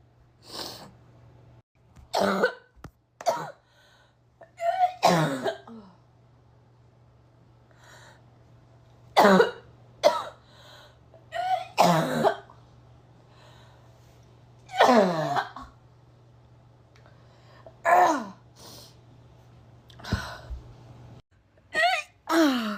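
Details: Repeated harsh coughs in short bursts, with retching and gagging sounds between them.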